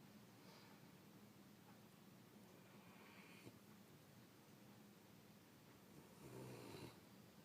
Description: Gizmo had a long day now he's taking a nap and really snoring.